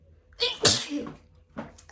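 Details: Uncovered pollen sneezing fit after a walk outdoors: a sharp inhaled catch, then a loud explosive sneeze and a softer second sneeze in a quiet room.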